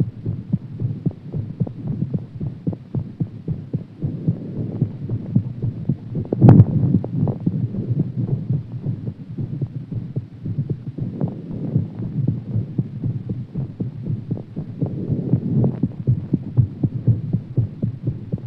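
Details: Fast, steady low thumps throughout with a low hum behind them; heartbeat quickened after exercise.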